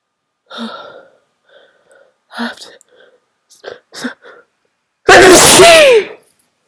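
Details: Strong sneeze: several halting gasps and short vocal sounds build up, then one loud, explosive sneeze, with an attempt to announce it.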